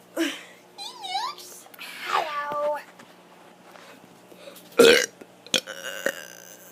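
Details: Child doing deliberate burps, complaining of stomach and rib pain: loud, drawn-out burps mixed with squeaky vocal sounds and a sharp final belch.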